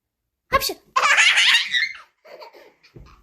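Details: Child sneezing during feather-tickling play: a sharp explosive burst followed by a longer noisy release and soft sounds afterward; repeated sneezing.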